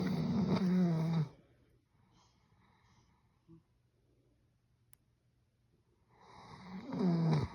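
Two loud, drawn-out rumbling snores with a rising, whistly tone, separated by a quiet pause; ordinary dog snoring.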